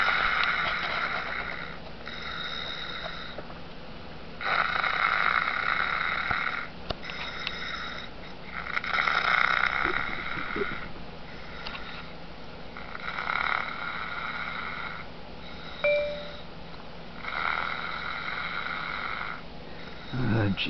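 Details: Person who fell asleep during a Skype call, recorded snoring: repeated harsh, buzzing snores with each breath, about 10 per minute, over room noise.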